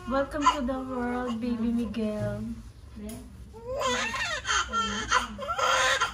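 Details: Real newborn baby girl's high, wavering cry just after a normal delivery at a lying-in clinic, with adult voices talking in the room.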